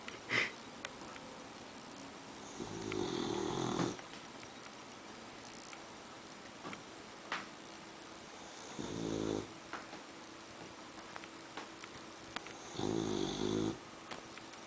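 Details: Loud, rough snores about every five seconds over steady room noise, likened to a truck outside; ordinary snoring.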